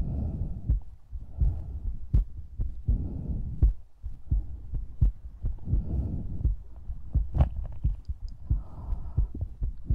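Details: ASMR recording with breathing and mouth sounds: steady low thumping heartbeat at about 85 beats a minute, with soft breathing and mouth sounds between beats.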